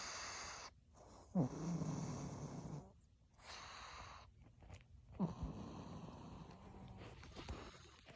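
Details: A sleeping pug dog snoring in the morning gives two rattling, low snores in about eight seconds, with quiet pauses between them.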